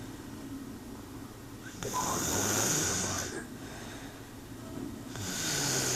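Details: Girlfriend (jokingly called a panther) snoring while asleep, before waking: loud, harsh rasping breaths with a hissing edge, about two snoring breaths in six seconds, over steady background noise.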